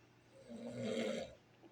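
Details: Sleeping dog: a single rough, vibrating breath lasting about a second, with a low fluttering rumble; one snore.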